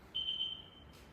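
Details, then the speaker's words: A single short, high electronic beep: a Progressa hospital bed's obstacle-detection alarm, sounding when something presses the detector on the patient's right side and stops the bed from lowering. "Okay, obstacle detected. Yeah. Patient right hand side, it also tell you right side, there's something pressing on it, so you Yeah. can't."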